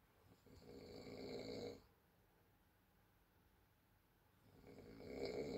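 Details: A woman who has been snoring and sleeping for two days after New Year is heard from another room: two loud, harsh, drawn-out snores with a long quiet pause between them; heavy snoring.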